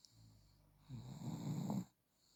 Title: Baby during sleep snore and smile suddenly weak up still happy. He is 8 months and 13 days boy.